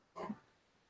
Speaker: Frank the dog is coughing quite a lot.